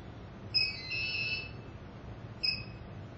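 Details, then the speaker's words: Power-on tones of an SK600i infusion pump as the power key is pressed to start it: two short high electronic beeps a couple of seconds apart, a normal start-up signal. "here are several steps for you to follow step 1 press power key to start the pump"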